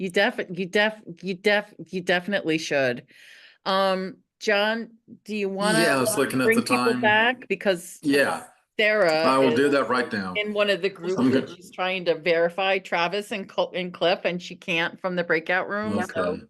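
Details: Stuttering in a woman who stutters; repeated syllables and words are heard.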